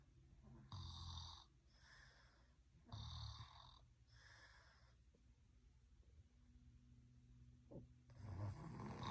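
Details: Rhythmic rattling snores on in-breaths, roughly every two seconds at first, then quieter breathing before another snore; snoring during sleep.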